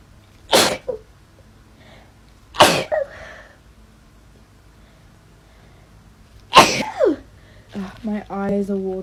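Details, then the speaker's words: Woman doing a lateral flow test nasal swab: three sharp, explosive sneezes in about nine seconds, each with a quick intake before, then brief speech; swab-triggered sneezing, test result negative. "I thought I would film myself doing a lateral flow test just to show you how much it makes me sneeze I hate doing that for everyone this is going to make me sneeze"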